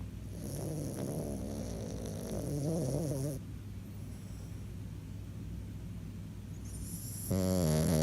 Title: French Bulldog Snoring (redux)